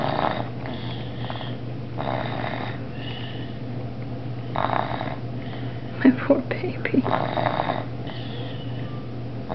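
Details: Someone asleep at the kitchen table while waiting for dinner: soft rhythmic snoring over a steady low room hum with a few brief clicks; ordinary snoring.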